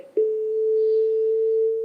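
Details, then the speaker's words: Steady high electronic charging tone from an AED in training mode after analysing heart rhythm and advising a shock; stand clear before shock delivery. "remove for analyzing heart rhythm do not touch the patient stand clear shock advised charging"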